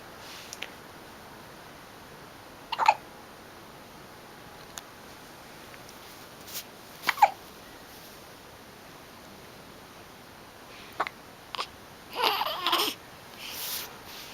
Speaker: the hiccups, baby. You look like you're not sure what to do.